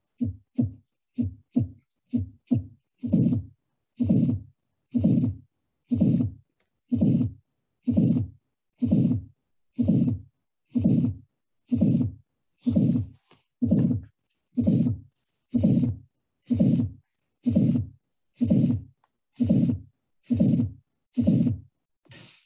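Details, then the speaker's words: Innocent (flow) systolic murmur, the most common murmur, arising with hyperdynamic circulation. "so this was an innocent murmur the reason i told you it's most common murmur because anytime there is an hyperdynamic circulati"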